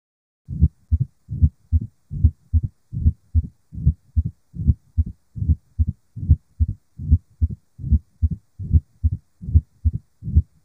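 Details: Mitral stenosis: regular heartbeat at about 74 a minute with a short, sharp extra click just after the second sound: an opening snap.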